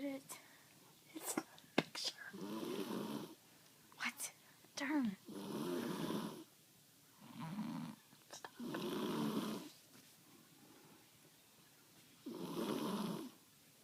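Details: Sleeping young girl: slow, regular loud rasping snores on each breath, about four over the span, with soft whispering between; snoring.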